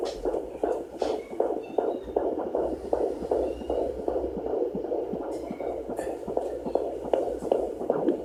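Rapid, steady whooshing pulses of a fetal heartbeat on Doppler, about 158 beats a minute.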